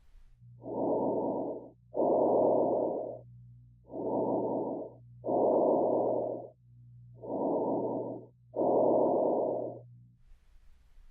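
Loud, harsh, hollow breath sounds, three cycles at about 18 a minute, with a short silent gap between inspiration and expiration: bronchial breath sounds.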